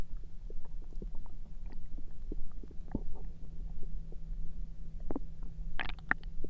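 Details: Stomach noises recorded through the night: irregular low gurgles and soft pops from an adult abdomen; ordinary bowel sounds of digestion (borborygmi).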